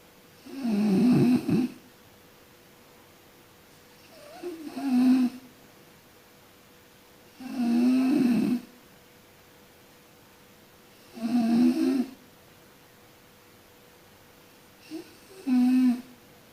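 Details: Person sleeping and snoring: loud, low rattling snores in slow, fairly regular breaths, about 15 to 17 a minute, with quiet gaps between them.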